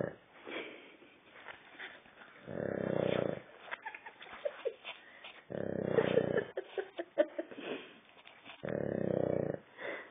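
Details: Dog snoring: three long, loud rattling breaths, about 20 a minute, separated by quieter breathing.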